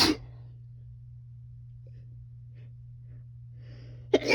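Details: 26-year-old female sneezing in bed while high after smoking: two sharp, explosive sneezes, one at the start and one at the end, with a low steady hum between them.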